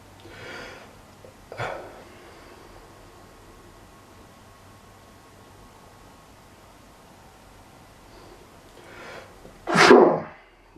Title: Heavy And Loud Sneezes With Nose Blowing w/ cringe ending